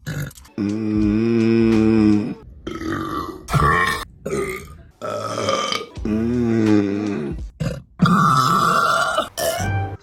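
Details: Several loud, drawn-out, deep belches with brief pauses between them, from a female, followed by "excuse me"; burping.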